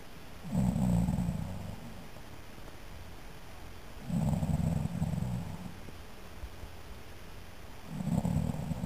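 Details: Brother's snoring recorded at 11:44 pm on 4 January 2011 to prove he snores: deep, rattling snores on each in-breath, about one every 3.5 seconds, with quiet pauses between; ordinary loud snoring.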